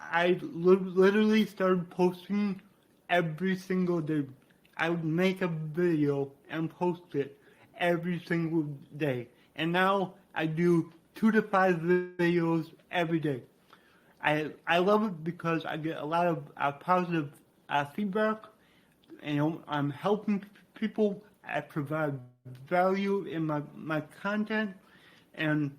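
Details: Adult man with dysarthria due to cerebral palsy, which he attributes to brain damage after being born without heartbeat or breathing and being revived.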